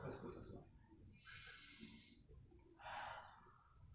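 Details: Lung auscultation teaching recording: loud, harsh, hollow bronchial breath sounds with a clear gap between inspiration and expiration.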